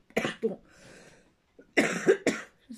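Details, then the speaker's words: Two short clusters of harsh cough bursts, about four in all, with a breathy pause in a small room, from an adult who says they are coughing a lot and their voice is affected: acute cough. "je vraiment beaucoup tousser que vraiment ma voix c'est compliqué"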